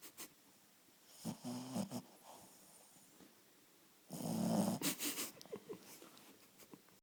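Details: Shih Tzu in deep sleep, snoring: snorting, rattling snores from a small flat-faced dog, with two loud breaths and wheezy snuffling between.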